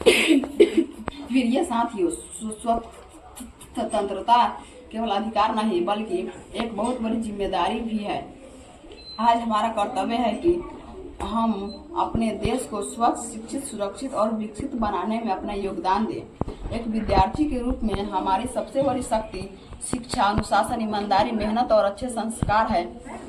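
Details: Mild stuttering in a class 6 schoolboy, reciting a memorised speech.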